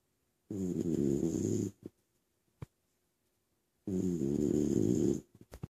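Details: Recorded 2013-12-29: two loud, drawn-out rattling snores, each about a second long, with a quiet pause between them; snoring.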